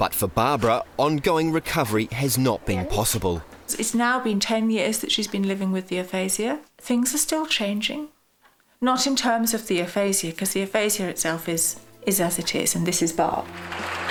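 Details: Adult woman speaking; normal speech.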